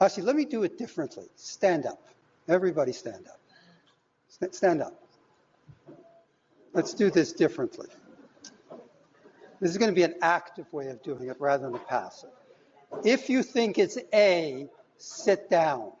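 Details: Adult man; normal speech.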